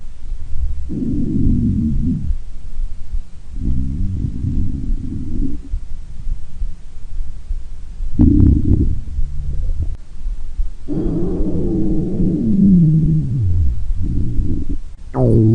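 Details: Uniform girl's stomach growling: low gurgling belly rumbles with a falling squeal, typical borborygmi from moving gas and fluid.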